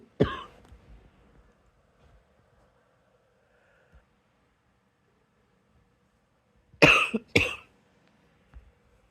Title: # 155 it's a quiet good night cough but I still need to get this lil thing out xox